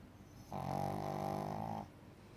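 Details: Dog snoring in sleep on a lazy day: one drawn-out, rumbling breath with a fluttering, growly quality.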